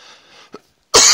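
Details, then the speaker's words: One loud, harsh, explosive cough from an adult podcast host smoking a dab, who has been coughing a lot lately from a cold that won't clear; cough. "So either way, I'm going to cough. Expect it. Be ready. Don't wear headphones."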